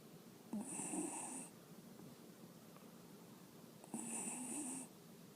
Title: Little Snores From Pixie